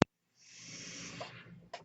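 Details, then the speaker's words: The speaker's own mechanical ventilator, heard while he records a spoken podcast: a sharp click, a pause, then a steady hissing rush of air and another click, one full ventilator breathing cycle. "everyone my name is that noise you're hearing is my ventilator"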